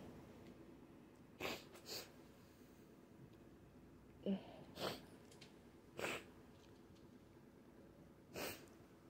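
A run of about six sneezes, some with a quick breath in before them, in a quiet room.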